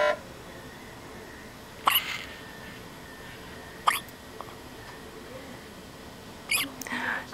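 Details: Infant girl with hiccups, also hiccupped often in the womb: three brief, sharp hiccup sounds about two seconds apart, faint room noise between.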